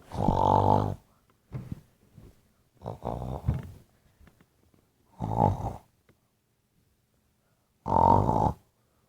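Repeated loud, buzzing snores with short grunting breaths between them, in a quiet room; snoring.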